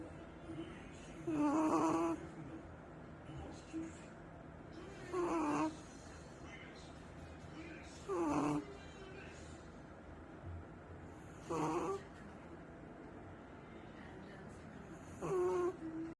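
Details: Puppy snoring while asleep in owner's arms: five short, soft snores about every three to four seconds, roughly 16 breaths a minute, over steady room noise.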